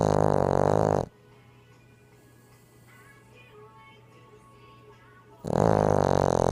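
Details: Female Boston Terrier snoring: two long, deep, buzzing snores separated by a few seconds of quiet.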